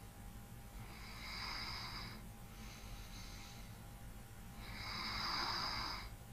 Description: ASMR SNORING / LIGHT BREATHING. RELAX AND FALL ASLEEP TO THE SOUND OF SNORING.